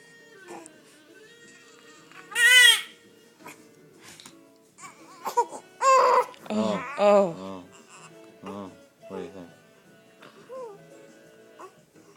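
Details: Three-week-old infant with hiccups: short bursts of high-pitched crying and whimpering between quiet gaps, faint room noise; ordinary infant cry.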